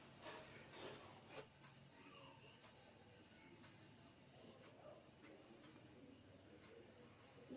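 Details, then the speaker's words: Abdominal auscultation with a stethoscope around the umbilicus for 1–2 minutes: bowel sounds at 12 per minute, within the stated normal range of 5–20 per minute; normal bowel sounds. "fakultas ygdilakukan selama 1-2 menit ini bertujuan untuk mendengarkan suara bising usus"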